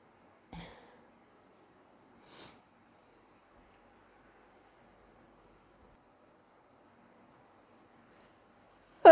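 Two soft, short sneezes spaced a couple of seconds apart, then a louder sneeze cut off at the end. The background is quiet.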